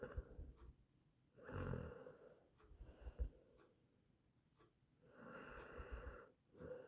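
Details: Rough, rattling breathing noises recurring every three to four seconds, from an 8-minute snoring sound-effect recording; snoring during sleep.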